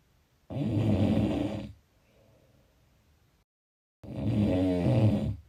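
Two long, loud, rattling snores on the in-breath, separated by a quiet exhale and a pause; snoring.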